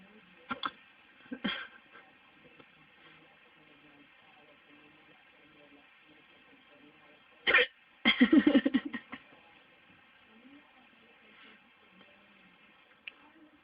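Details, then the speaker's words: A person with hiccups, heard as brief, sharp throat catches at irregular intervals over a quiet background hum. "Me dio hipo."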